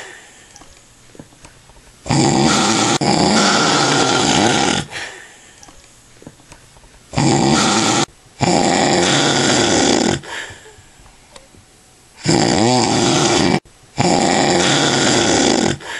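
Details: Adult man (a father) after drinking lots of alcohol: loud, harsh, rattling snores in long bursts, roughly 11 a minute, separated by quiet pauses; heavy snoring during sleep.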